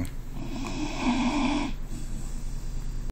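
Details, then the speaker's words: Dog with a very loud snore, dozing back off after waking: one drawn-out, buzzing snore on a breath in, followed by quieter noisy breathing. "You were snoring. Right back to snoring."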